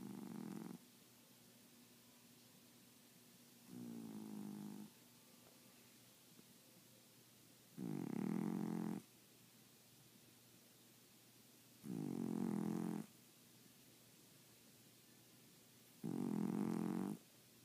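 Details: Female sleeper, sometimes audible from the next room, with regular buzzing snores on each in-breath, about 15 a minute, in a quiet room: snoring.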